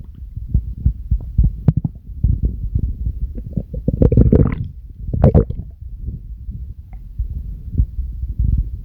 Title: Stomach growls on command !🌼